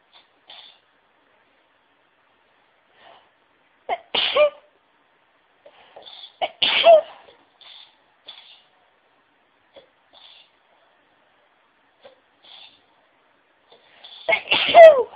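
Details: A sneezing fit triggered by listening to other sneezes. Three forceful sneezes about every five seconds, each with a catching inhale, separated by sniffs and quiet breaths.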